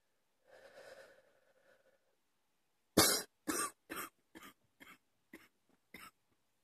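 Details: Person woken in the middle of the night coughing at 2 AM: a breathy exhalation, then a run of seven dry coughs that weaken as they go.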